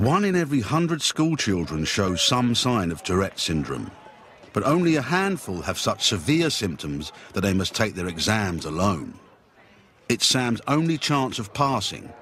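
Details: Adult male narrator; normal fluent speech.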